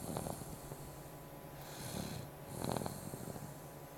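Soft, low snuffling breaths under steady background hum, with a slightly louder snort-like breath. Light snoring.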